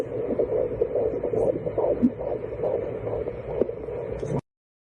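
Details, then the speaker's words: Fetal heartbeat of the speaker's child, heard early in pregnancy (at a few weeks): rapid, rhythmic whooshing pulses, about 140 a minute, picked up by ultrasound Doppler. "that's my child's heartbeat you can hear it you can hear it you can even pick up the electrical signals you can pick up the sounds and you can measure how healthy that child is based on that heartbeat"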